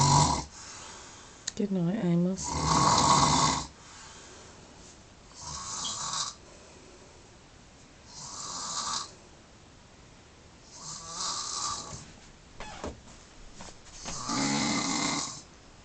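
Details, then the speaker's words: Loud, rough snores at irregular intervals, about 20 a minute, with quiet breathing between, from a sleeping man at 1:22 am after a night out, who claims he doesn't snore; snoring. "1:22 in the morning, and this is the man that doesn't snore."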